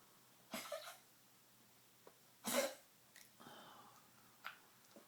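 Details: Tracheal cough in a 13+-year-old Maltese with degenerative valve disease (murmur, enlarged heart, leaky valve). Several short, harsh, dry cough bursts with quiet gaps between. His cardiologist says the cough is tracheal, not cardiac.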